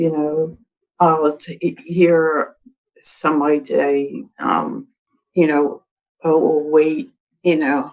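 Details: Woman with expressive aphasia after a December 2022 stroke, in speech therapy; comprehension intact, difficulty getting words out; expressive aphasia.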